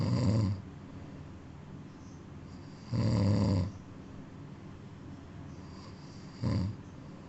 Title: Cat sleeping & snoring